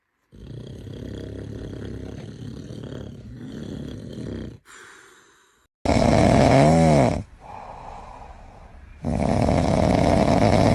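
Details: Loud, rough, rattling snoring from an adult man (dad), with snore phases alternating with quieter stretches over background noise, as a baby reacts.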